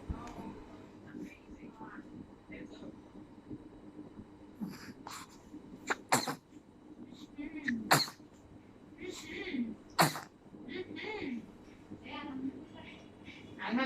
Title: Cute baby sneezing video ❤️